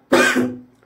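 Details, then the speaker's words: A single abrupt, moderately loud cough from an adult man who says he is unwell and coughing at times, a sharp burst fading over about half a second. "Okay चला आता थोडी तब्येत ठीक नाही समजून घ्या खोकला येतो मध्ये"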